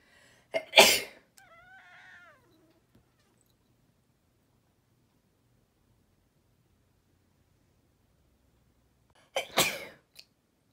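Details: Cat sneezing twice, a sharp sneeze then a short meow-like vocal sound, with a second sneeze seconds later; the owner says the cat often "lectures" them after they sneeze.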